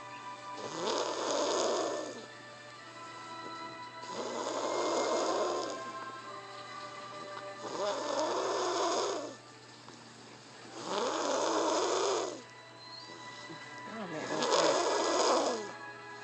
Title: A 2 year old snoring like a GROWN MAN!